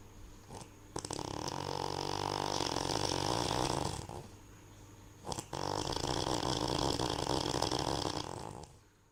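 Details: Remarkable snoring: two long, loud, rough snores on the in-breath, each about three seconds, with a quiet out-breath between them.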